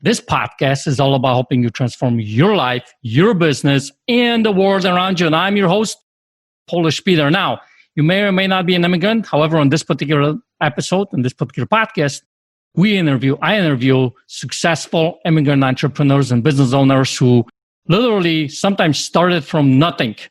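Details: Adult male speaker; normal speech.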